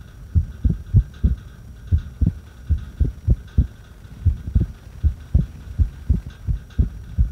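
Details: Irregular heartbeat recorded during a breath hold: low heart thumps at roughly 100 a minute with uneven spacing between beats.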